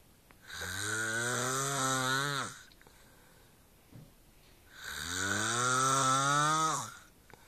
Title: The snore that sounded like a MOO.